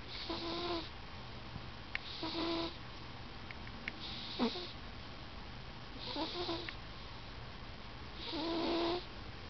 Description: My cat Hermes snoring loudly while he naps.